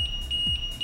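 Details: Alarm from an LTV1200 ventilator during its pre-use check procedure, around the leak test: ventilator alarm.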